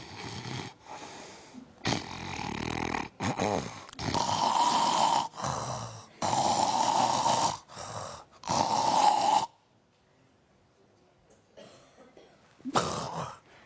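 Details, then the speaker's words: Imitated snoring demonstrated on a TV health program on snoring and sleep apnea: loud rattling snores grow heavier, then about three seconds without breathing before a gasping snore resumes; snoring with breathing pause. "yani Bu arada uzun bir süre soluksuz kal son kısmı ediyorum hocam"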